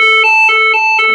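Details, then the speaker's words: Loud alternating two-pitch warning tone from a LIFEPAK CR2 defibrillator in a simulated collapse training scenario, after rhythm analysis and "everyone clear, press flashing button" prompts, signalling a shock is about to be delivered. "analyzing heart rhythm everybody clear everyone clear press flashing button"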